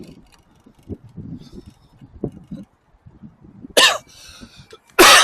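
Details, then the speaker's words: Dry cough in an adult man riding a shared bike on a chilly Shanghai night after leaving the office; he thinks it is not a cold and his nose is clear: two short harsh bursts over traffic noise. "好像就是出来之后就开始咳嗽了。应该也不是感冒了，鼻子也是通的，就是不停的咳。"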